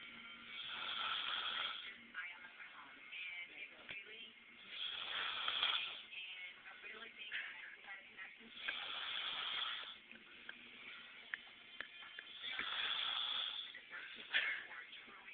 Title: snoring